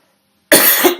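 Brief silence, then one harsh, noisy cough burst from an adult woman, a cough from a lingering bronchitis.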